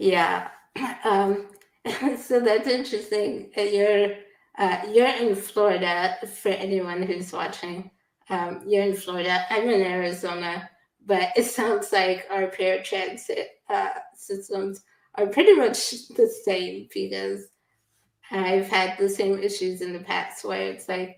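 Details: Adult woman; normal speech.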